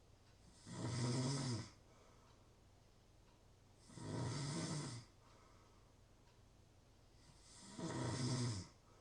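Three loud rasping snores on inhaling, roughly 3 seconds apart, with quiet breathing between them.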